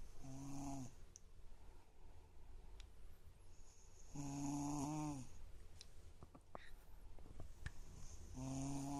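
Loud, buzzy, droning snores with a strong tonal quality, about three breaths in nine seconds, separated by quieter breathing and small clicks.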